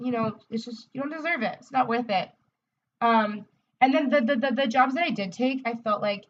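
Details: Adult woman, a speech-language pathologist, who describes herself as a person who stutters: stuttering.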